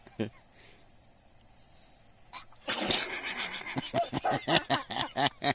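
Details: Single sharp sneeze outdoors in a garden right after smelling something, with quiet outdoor background, followed by rapid voiced sounds; sneezing.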